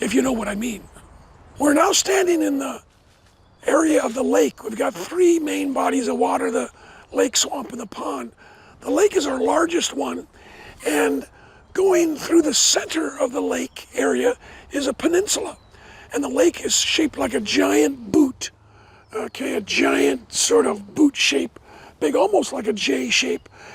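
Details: Adult man with dysphonia after partial vocal cord resection: one third of the vocal cords removed in 2008 after two bouts of vocal cord cancer, first diagnosed from hoarseness; he never smoked, and the cancer was probably caused by secondhand smoke.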